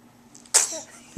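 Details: Dog (she was barking before filming) gives a faint intake of breath, then a single sharp, hissing sneeze in a quiet room.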